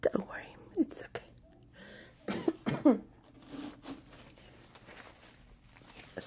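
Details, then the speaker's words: Several short, throaty acted coughs and throat sounds with soft breathy voicing in a quiet room during an ASMR makeup roleplay; the speaker says she is getting over the flu or Covid, she isn't sure: a deliberate, imitated cough. "Sorry, I'm just getting over the flu or the Rona or whatever. I don't know. Yeah, I sound a little bit raspy,"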